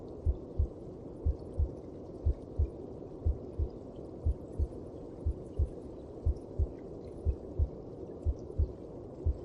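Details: Heartbeat heard in the mother's belly: slow, regular, muffled double beats at about 60 per minute over a steady low rushing hum.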